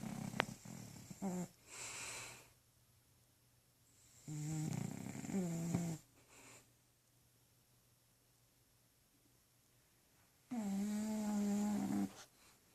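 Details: Pet lying on an owner's side of the bed snoring: loud, low, fluttering bursts separated by quiet pauses.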